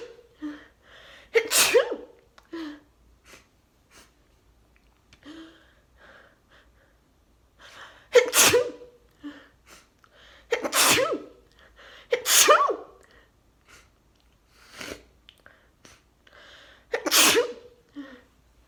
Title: Sneezing fit into mask with nose blow | 18 sneezes